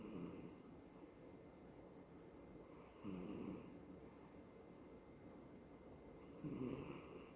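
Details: Female cat, about 17 at recording, dreaming, snoring and twitching in sleep: soft, irregular snoring breaths, about three in seven seconds, in a quiet room.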